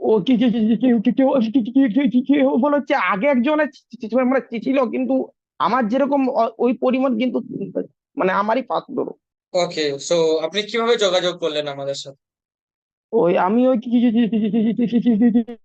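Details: Stuttering in an adult man, recorded before online stammering training; trainer says on day one he stammered a lot, repeating the first letter of words.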